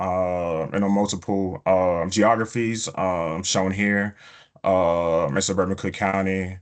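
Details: Stuttering in an adult male epidemiologist who says he stutters, with prolongations of words or sounds, blocks and repetitions.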